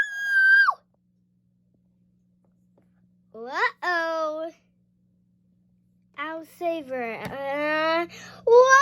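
Acted cartoon baby wails with rising and falling pitch, separated by silence; an imitation of an infant cry.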